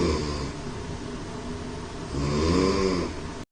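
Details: Person snoring heavily in sleep: a loud, rough, rattling snore on the in-breath, then a second, louder snoring breath.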